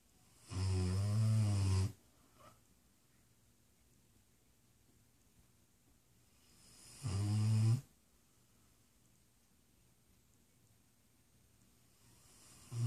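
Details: Two long, deep, rattling snores about six seconds apart with quiet breathing between them, from a sleeping dog, Brutus.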